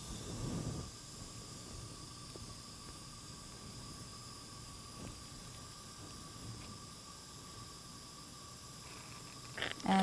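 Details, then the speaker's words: A suction unit is switched on and checked before suctioning a tracheostomy tube in a nursing demonstration: a steady low hiss and hum, with a brief rush of airflow at the start. "first thing i'm going to do is connect my suction and make sure it's working"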